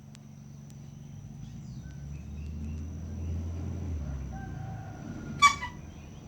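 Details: Gander (male goose) with faint, thin whistling breath sounds followed by one sharp cough-like burst, over low outdoor rumble; respiratory whistling and cough.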